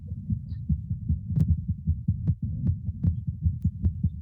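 Regular, fairly rapid low heart thumps in a resting adult goat, with faint breathing at times; normal heart sounds.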